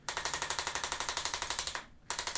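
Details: Rapid regular mechanical clicking bursts, about 13 per second, a brief pause, then resuming, from a handheld arthrostim chiropractic adjusting instrument on the lateral leg and calf of a runner with ankle pain training for a half marathon.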